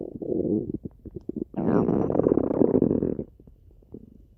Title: stomach growling